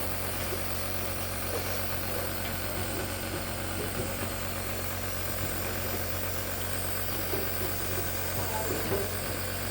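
A steady low mechanical hum with faint hiss and soft background sounds: a nebulizer compressor running during a breathing treatment.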